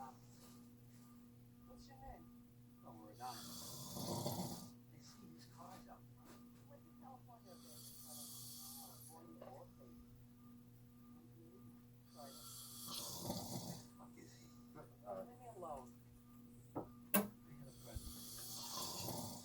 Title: snoring 2021